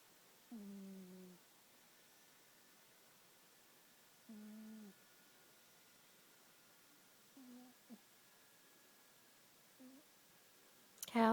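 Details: Four soft, tonal, humming snores from a sleeping pet, a few seconds apart in a quiet room, with a sharp noise at the end; ordinary snoring.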